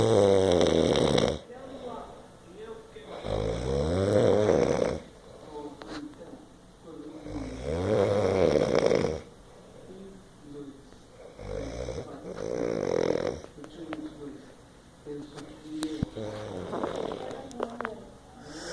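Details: Loud, rattling snores on each breath in, about four over eighteen seconds, with quieter breathing between; snoring.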